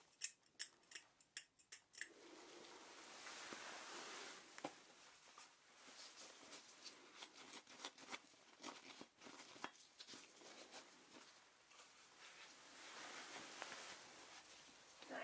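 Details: Simulated ASMR dental role-play, deep cleaning for a nervous patient needing scale removal: soft irregular metallic picks, clicks and scrapes of hand scaling over an area with heavy buildup, in a quiet room.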